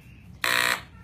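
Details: Steady mechanical buzz switched on for about a third of a second from an electrolarynx placed on the neck of a 5-year-old boy learning to speak with it.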